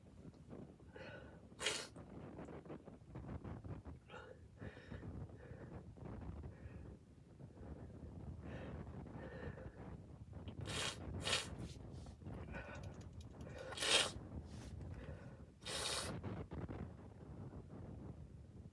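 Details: Several sudden explosive bursts with wet, spraying noise, spread irregularly over noisy breathing and background rumble; repeated wet sneezes.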